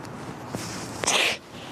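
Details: A woman gives a short intake of breath, then one sharp, hissing sneeze in a quiet room.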